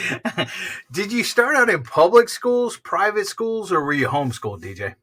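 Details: Adult woman speaking; plain speech.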